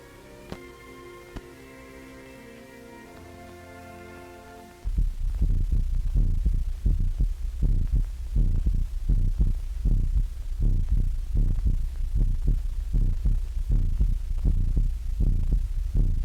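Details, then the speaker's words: Electrical stethoscope demonstration in a 1929 animated cartoon: brief music, then regular low thumping heartbeats at about 80 a minute, heard through the stethoscope so a whole room of students or consultants can listen at once. "A whole room full of students or consultants can now listen to the same heart or body sounds at the same time, thus receiving a simultaneously accurate record of all sounds, whether of high or low frequency, without undue fatigue to the patient."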